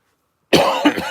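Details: Persistent cough in an adult still getting over COVID, who reports feeling lethargic, unwell and low on energy.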